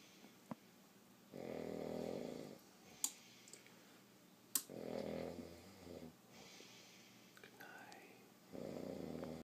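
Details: Adult man who insists he doesn't snore, recorded snoring during sleep.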